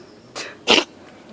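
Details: Cat encountered on a walk sneezing oddly: a brief hissing inhale followed by one sharp, airy burst, a single cat sneeze.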